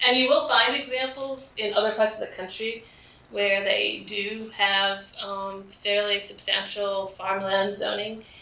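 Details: Adult man with spasmodic dysphonia, which he calls basically localized epilepsy; he links his voice problem to a fall off a cliff during an extreme skiing competition that left his throat 'gunked up'.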